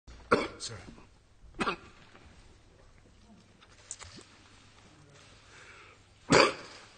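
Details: Coughing fit from an adult man (Australia's Treasurer, later tested negative for coronavirus) that stopped a speech: several harsh, scattered coughs with quiet gaps and faint room noise between them.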